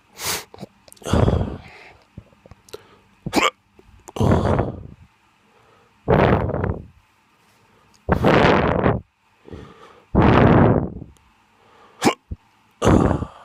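Irregular short voiced gulping sounds with sharp clicks between them, about 29 a minute, fitting repeated hiccups.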